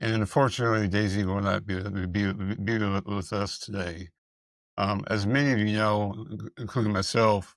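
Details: Dysphonia and dysarthria in a speaker who appears to have multiple system atrophy, with evaluations showing vocal cord paralysis and vocal fold dysfunction; the speaker reports being unable to pronounce a word.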